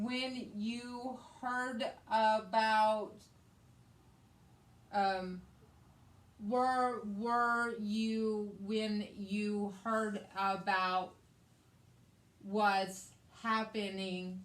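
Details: Post-stroke aphasia in a woman after a hemorrhagic stroke on May 19, 2020, with right-sided hemiparesis, brain surgery and an ICU stay; the aphasia also affects her reading and writing. She speaks in conversation. Finding: aphasia.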